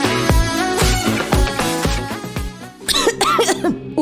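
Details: Cough in a radio commercial for a lagundi cough and phlegm remedy: a series of harsh, chesty cough bursts over upbeat background music.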